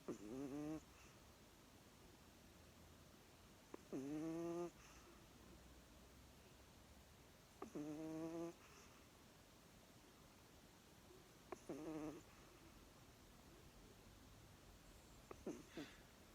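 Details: Pixie, after having one too many, snoring: soft, buzzy, throaty snores recurring about every four seconds, roughly 16 a minute, with quiet pauses between them.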